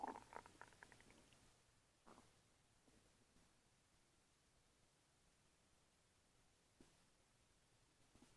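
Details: Bowel sounds (borborygmi) after eating chicken parm: gurgling, bubbling stomach growls, strongest at the start, then fading to quiet with a few brief rumbles.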